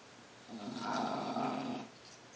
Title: Snore Monster Pudge